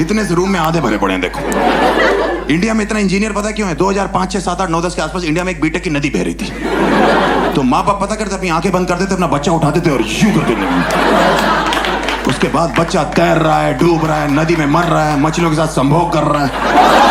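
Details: Adult male speaker; normal speech.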